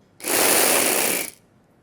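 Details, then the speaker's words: Dry powder inhaler use for asthma relief, demonstrated with a capsule in a Rotahaler: a quick forceful breath in, held briefly, heard as about one second of steady, strong airy rushing with a faint rattle. "श्वास आत उडला थोडासा पकडून ठेवला आणि मग मी काढलं तच्यातन ताबडतोप आपल्याला दम्याची रिलीफ मिळते"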